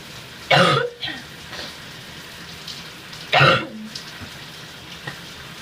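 Two harsh, wet cough bursts about three seconds apart with throat clearing between, over steady running-water hiss; a productive cough.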